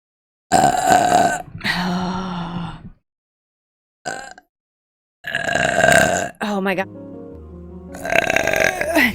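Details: Vtuber streamer's run of loud, drawn-out voluntary belches between silences, with music in the background, from a live-stream burp compilation; burping.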